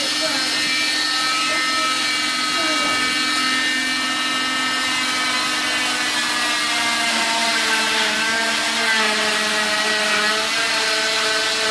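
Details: Oscillating cast saw removing a patient's fifth cast in seven months; sensitive skin leads to contact dermatitis reactions. Steady high-pitched motor whine with shifting pitch as the blade cuts.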